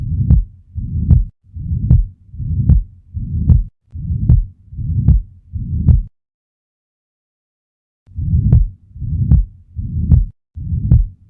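Regular heartbeat at about 75 a minute, each beat carrying a long, harsh, low rumbling murmur that fills systole, with a brief silent gap partway through. This holosystolic murmur at the lower left sternal border is typical of a ventricular septal defect, blood forced through a hole between the ventricles.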